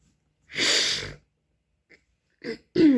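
A long breathy sigh, then a few short rough throat-clearing bursts from an adult woman.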